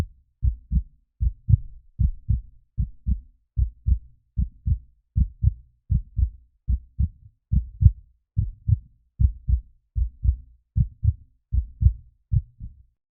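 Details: Regular paired low thumps, lub-dub, at about 76 beats a minute; a normal heartbeat.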